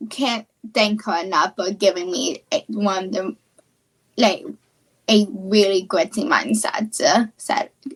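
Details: Childhood apraxia of speech, a neurological speech disorder, in a female high school student.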